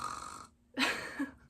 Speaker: Jasper he's snoring I don't know if yall can hear that but he's snoring pretty loud he's he's a little Pitbull so when he sleeps he snores